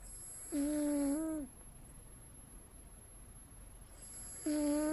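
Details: Cat asleep on a chair: two squeaky, whistling snore sounds a few seconds apart over a quiet, steady hum; snoring.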